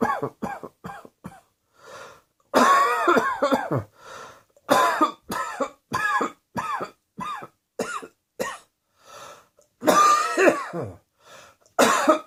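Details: An adult coughing fit: repeated harsh bursts of coughing in quick runs, some with voiced, throaty tails and brief gasps between them.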